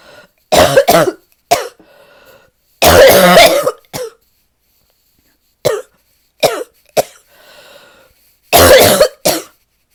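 Harsh, deep, barking coughs in repeated bouts, about ten in all, with brief breaths between.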